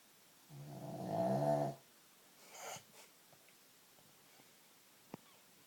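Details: Sleeping 15-pound dog whose owner suspects sleep apnea: a single loud, rattling snore that builds in strength, then a quieter snorting exhalation; snoring louder than expected for its size.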